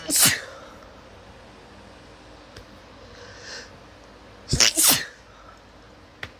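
Sharp, explosive bursts of air, one near the start and a double burst later, typical of sneezes.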